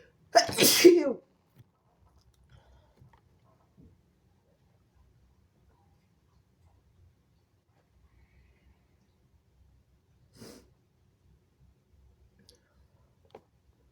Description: i've sneezed all over my phone! excuse me!